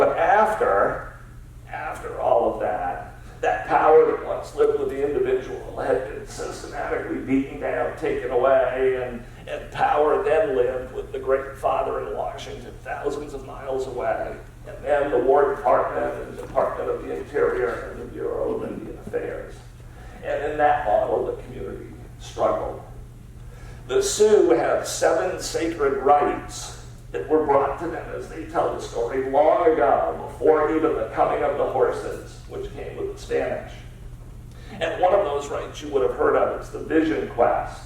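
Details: Spasmodic dysphonia, a rare neurological disorder affecting only speech with no known cause, diagnosed at Mass Eye and Ear in an adult man treated with periodic Botox injections.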